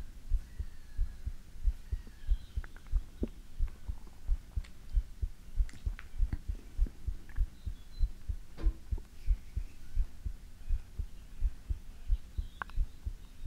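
Steady, soft low thumps of a heartbeat, about 90 a minute, with faint hiss behind.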